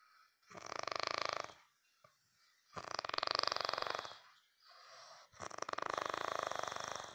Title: Funny snoring